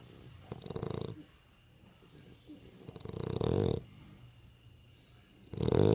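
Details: Sleeping dog that snores a lot: slow, rough snoring breaths, about three in six seconds, with a fluttering rattle on each breath; snoring.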